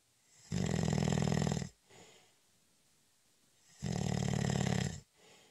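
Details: Heavy snoring during a short, light cat nap: two loud, rattling, deep snores on the in-breath about three seconds apart, each followed by a soft out-breath.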